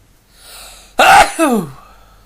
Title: Induced Sneezes